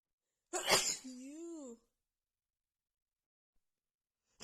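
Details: Female with a head cold, congested nose, after sniffing a tiny bit of black pepper: one forceful sneeze followed by a brief drawn-out voiced breath sound, within a sneezing fit.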